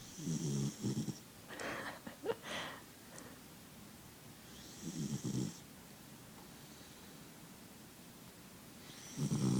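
Loud rattling snores on each breath, with a few quieter sounds between; snoring in a sleeping puppy.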